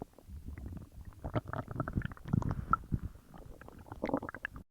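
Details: Loud bowel sounds (borborygmi) from the belly while a huge meal digests: irregular low gurgles and rumbles.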